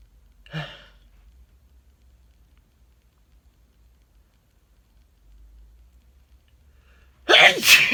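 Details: Male: a faint short breath, a long quiet pause, then one abrupt loud sneeze burst at the end; sneezing.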